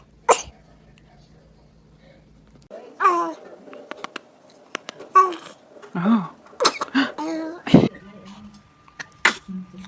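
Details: Baby: several small, high-pitched sneezes with brief vocal sounds and quiet room noise between, followed by "bless you"; ordinary baby sneezing.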